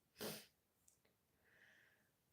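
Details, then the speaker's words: One sharp, explosive sneeze from an adult woman after announcing she needs to sneeze, followed by quiet room sounds: sneeze. "Euh, euh, euh, J'ai envie d'éternuer. Je vais éternuer."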